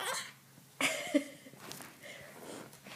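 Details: Young child: a sudden sharp, hissing burst of air after a short intake, followed by quieter breathing noise; a sneeze.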